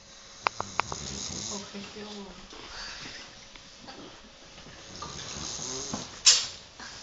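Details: Two slow, buzzing, low-pitched snoring breaths with a few soft clicks and a sharp knock near the end, in a quiet room.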